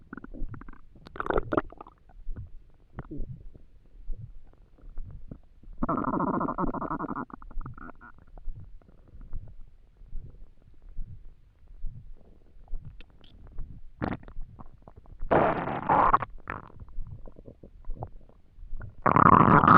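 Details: Stomach noises from an empty stomach while trying to sleep: irregular gurgles with several longer low rumbling bursts; ordinary hunger-related bowel sounds.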